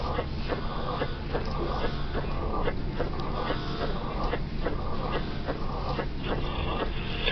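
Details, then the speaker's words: Uniform, low-pitched diastolic murmur at the apex in a patient from West Africa: mitral stenosis, most commonly from childhood rheumatic fever. "Really only one thing can do this: mitral stenosis."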